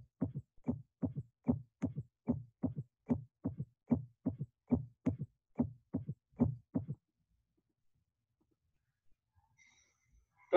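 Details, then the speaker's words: Third heart sound (S3 gallop): regular low heart sounds with a soft extra thud after the second sound. "a left-sided s3 is a low-pitched sound best heard over the left ventricular apex a right-sided s3 is usually better heard over the lower left sternal border and becomes louder with inspiration"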